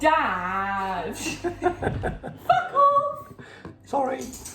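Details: Person with Tourette syndrome; coprolalic vocal tic followed by an apology: vocal tics with coprolalia (Tourette syndrome).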